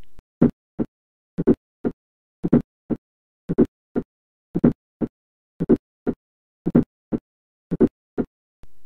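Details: Ejection systolic click: high-pitched click just after the first heart sound, heard at the aortic and pulmonary areas.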